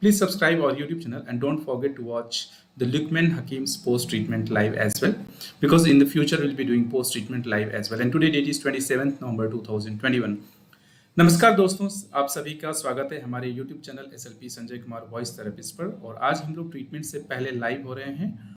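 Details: Adult male speaker; Unaffected speaker.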